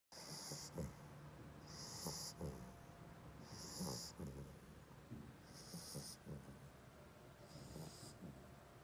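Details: Staffordshire terrier mix puppy in deep sleep at nap time: soft, snorting snores with a faint whistle on each breath, about 34 a minute; snoring.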